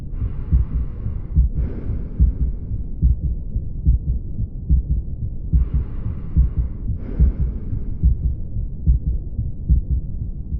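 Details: Clinical examination through a stethoscope: a regular heartbeat at about 72 beats a minute with clear low thumps; normal heart sounds.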